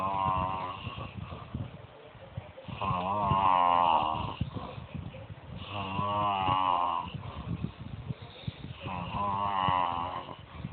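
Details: Loud, rhythmic, voiced snoring from a sleeping person, repeating about every three seconds (roughly 19 a minute), with faint room noise.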